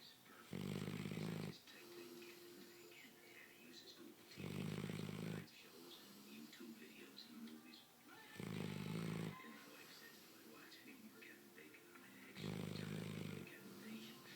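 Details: A sleeping female puppy snores with regular low snores every four seconds, about 15 breaths a minute, over faint background talk and music; snoring.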